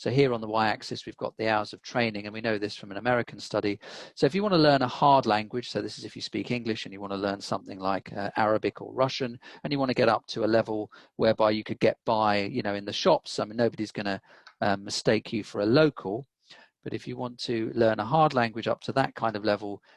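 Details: Adult male presenter; normal speech.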